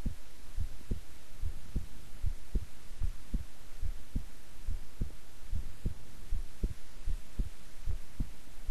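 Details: Steady, regular lub-dub at about 73 beats a minute under a faint hum, a person's own heartbeat recorded at length while resting quietly; normal heart sounds.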